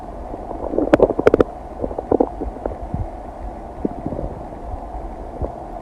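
Clusters of bubbling gurgles and rumbles over low background noise; ordinary stomach digesting sounds.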